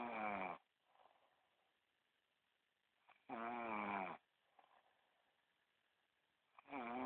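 Rattling, buzzy snores on each breath in, separated by quiet breathing out, about 17 breaths a minute.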